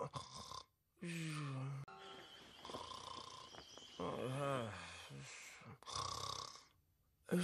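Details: Sleeping cat: low, uneven snoring and snuffling breaths with some background hum.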